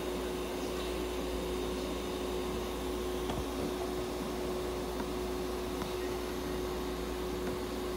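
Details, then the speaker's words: Steady, even hiss of airflow with a constant low tonal hum and occasional faint clicks from an ICU incubator delivering oxygen therapy to a budgerigar during treatment. "ICU 内で包括して酸素療法を行っています。"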